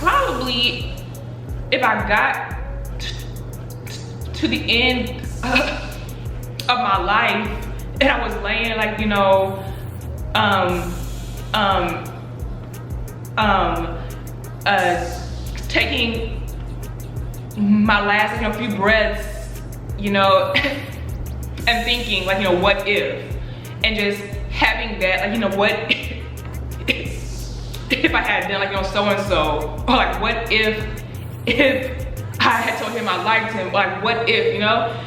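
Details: Adult woman who stutters and says she stutters less when angry, speaking in a Q&A; stuttering.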